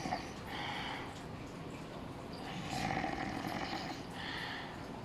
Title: loud snore while sleeping